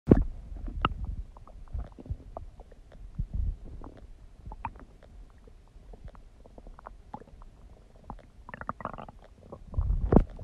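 Scattered low gurgles, pops and rumbles from the belly; ordinary bowel sounds of digestion.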